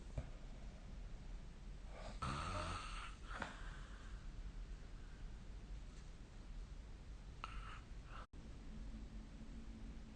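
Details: A low steady rumble of breathing broken by a loud rattling snort, then a softer snort later; snoring during sleep.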